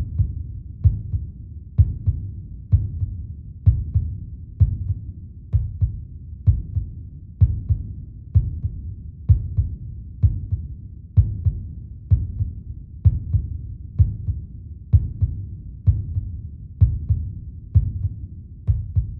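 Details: Heartbeat sound track for meditation: steady, regular low thumps at about 64 beats a minute, a normal resting heart rhythm.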